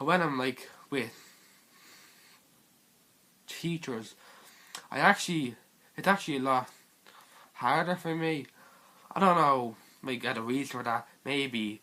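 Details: Stuttering (stammering) in a teenage male speaker.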